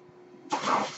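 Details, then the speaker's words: Low steady hum, then a sudden airy whoosh as the speaker's own home mechanical ventilator pushes a breath during speech; a home mechanical ventilator breath cycle. "my name is that noise you hear he's my ventilator"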